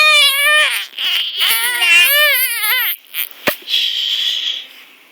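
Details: Young girl asked to sneeze on command: high, wavering crying-like voice, then a brief sharp burst and a breathy sound.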